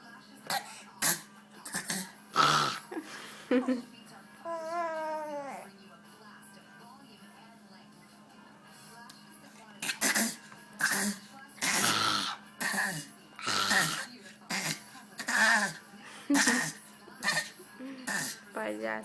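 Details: Six-month-old baby girl making short, repeated deliberate cough-like bursts with a few vocal sounds; a playful voluntary fake cough.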